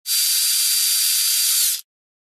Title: Dentist Drill